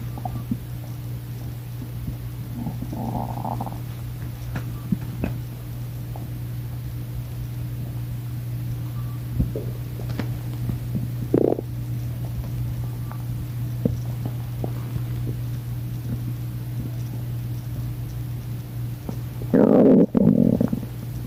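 Gurgling stomach rumbles and squeaks over a steady low hum, typical hunger borborygmi.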